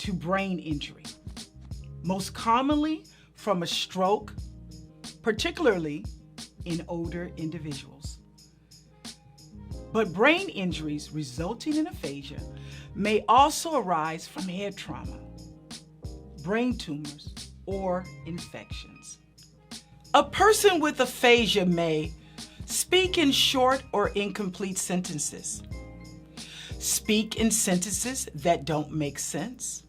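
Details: Adult speaker with background music; normal speech.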